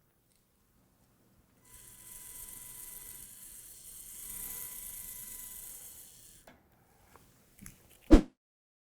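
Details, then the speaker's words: Steady high-pitched motor whine about five seconds, then clicks and a sharp knock, during implant form drilling for a late single dental implant; implant drill. "the first form drill with 3.3 millimeter in diameter the 3.8 millimeter form drill and now the final 4.3 millimeter"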